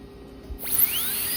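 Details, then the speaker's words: Dental flap procedure on a dog jaw model while extracting a lower tooth, using a number 2 round bur to remove bone over the roots: quiet, then a high-pitched whine spinning up; high-speed dental drill. "We're gonna switch that out for our number 2 round so that we can remove some of that bone overlying the roots."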